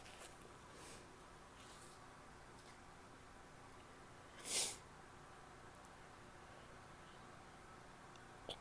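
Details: Female, one wet, forceful sneeze in a quiet room with faint sniffing and breathing around it; recording also includes false starts, stifles and a nose blow.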